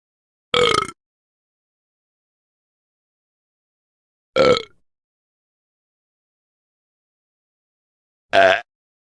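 Three short, voiced belch sounds separated by silence; a burp sound effect.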